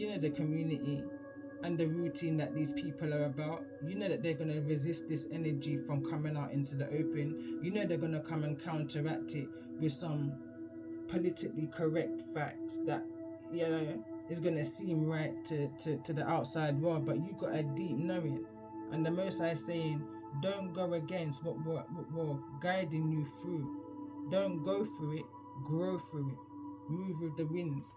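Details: Stuttering; the speaker describes their own stammer, which they attribute to past traumas.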